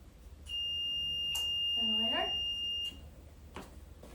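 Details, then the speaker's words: A ventilator is switched on during setup before a patient arrives (a 33-year-old man with status asthmaticus): a steady high alarm tone for about two seconds with a brief rising chirp, then quiet; the start-up self-check alarm. "Just waiting for it. Starting up,"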